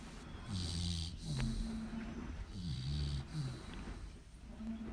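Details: Loud, low rumbling snores with snorting on each breath over a few cycles, from a sleeping American Pit Bull Terrier dog; ordinary dog snoring.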